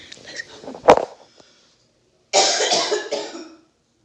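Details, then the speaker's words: Feigned cough by an adult staging a prank with fake blood on the shirt, faking coughing up blood: a sharp, harsh cough burst followed by a longer rough cough, put on suddenly and loudly. "I'm gonna start coughing out of nowhere, real bad, and I'm gonna already have the blood on my shirt."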